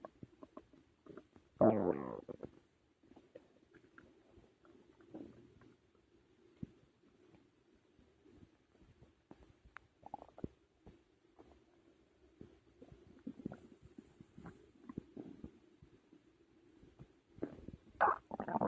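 Scattered gurgles and squeaky rumbles over a quiet background, with a few louder bursts; normal stomach growling from digestion.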